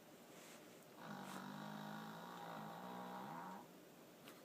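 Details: Sleeping female dog with a weird snoring sound: one long, drawn-out, low rumbling snore with a buzzing, tonal quality against quiet room noise; snoring.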